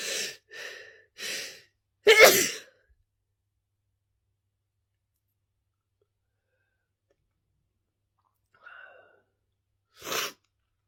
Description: A compilation of sneezing fits